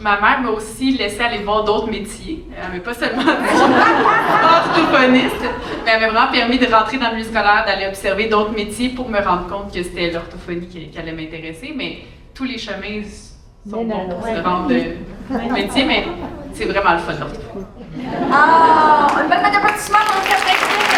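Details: Adult woman speaking; typical speech.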